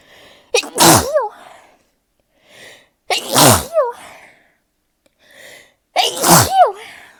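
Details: A sneezing fit: three forceful sneezes in quick succession, each preceded by a brief in-breath, while lying beneath a ceiling fan in summer, the person's sneeziest season.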